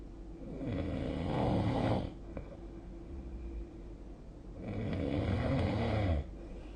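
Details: Two low, rough, fluttering snores on in-breaths with quieter breathing between, recorded during sleep on 2025/02/09.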